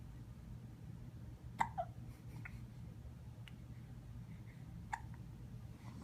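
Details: Two short, sharp hiccup sounds from a young kitten, 16 weeks old, over a steady low background hum.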